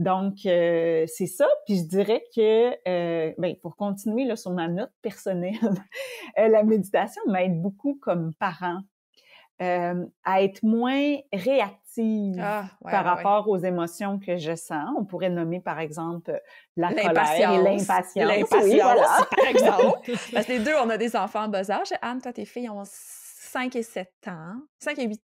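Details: Adult woman speaking French; typical speech.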